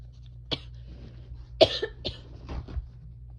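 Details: Person coughing after a mistake with grass/chhinkni (sneeze-inducing snuff), amid sneezing and nose blowing: several short, sharp coughs with a throat-clearing quality over a low steady hum.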